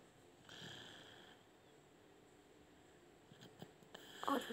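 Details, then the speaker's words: Sleeping cat snoring: faint, rough breathing noise with a slight flutter, then quiet with a few soft clicks. "Ngorok guys. Kalista ngorok guys. Dengarkan ngoroknya guys."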